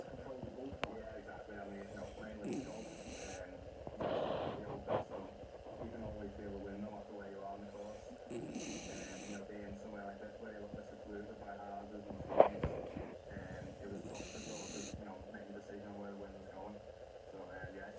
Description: Lazy Cockapoo dog on her back legs in the air and snoring!